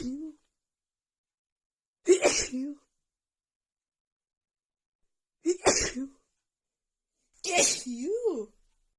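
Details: Female with a bad head cold and an unbearable nose tickle: a sneeze attack of three forceful voiced sneezes, each with a brief intake beforehand and a trailing vocal sound.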